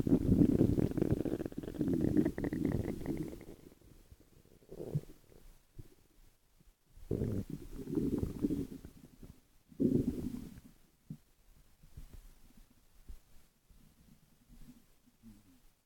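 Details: Repeated low gurgling and rumbling bouts with quiet gaps between them, from a 12-minute recording of ordinary stomach growls; borborygmi.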